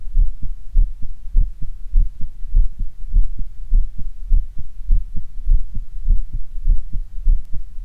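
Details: Stereo stethoscope recording, one head at mitral area (right channel), one at Erb's point (left channel): regular paired lub-dub heartbeats at roughly 100 a minute, no added sounds; normal heart sounds.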